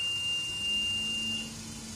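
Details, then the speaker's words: Philips EverFlo oxygen concentrator switched on at its power switch during a setup demo: a steady high-pitched beep of just over a second, the power-on tone. "You have to connect here and switch on the power. It's a power switch. On."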